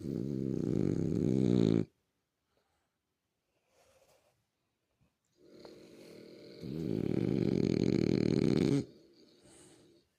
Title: Sleepy dog. Snoring